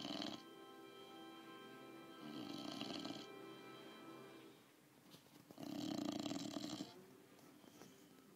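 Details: Snoring while lying asleep on the recording person's chest: rough, buzzing snores recurring about every three seconds, roughly 20 breaths a minute, over a faint steady background tone; snoring.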